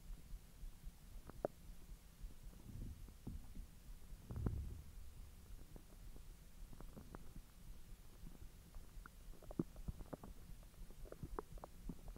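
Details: Low gurgles, rumbles and scattered clicks from the belly after eating hotdogs following 10 hours of an empty stomach: ordinary bowel sounds of digestion after a meal.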